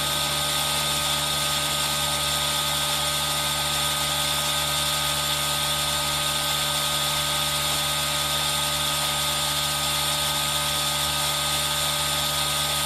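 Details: Steady high hiss with a constant mechanical whine from an aerosol nebulizer running continuously, possibly mixed with rain, in an ASMR recording made on a Zoom H1n.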